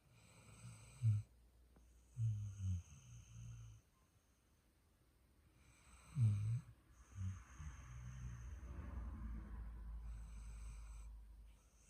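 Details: Sleeping girl: low, soft snorting breaths recurring every few seconds; light snoring.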